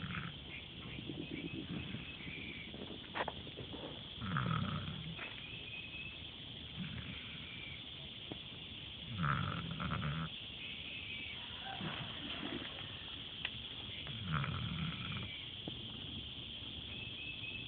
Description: Angel's crashed out and snoring the hot afternoon away!